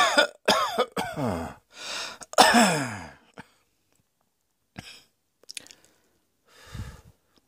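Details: Harsh, strained coughing: a run of about six coughs with throat clearing, then quieter breaths and one weaker cough; cough.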